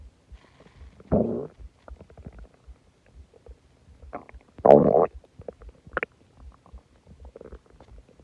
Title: Loud stomach growling and groaning after eating alot and drinking soda